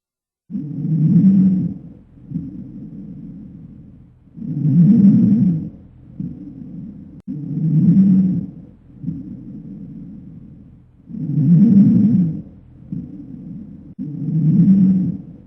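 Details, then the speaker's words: Stridor from upper airway obstruction, loudest over mouth, neck and upper trachea: loud, harsh, musical inspiratory noise with quieter expiration, about 17 breaths a minute; stridor immediately after extubation may indicate the need for reintubation. "Strider heard immediately after extubation may indicate the need for re intubation"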